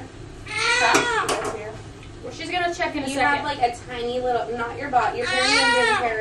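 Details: Newborn girl delivered at 38 weeks, crying with repeated high-pitched wails just after birth, with soft adult voices in the room.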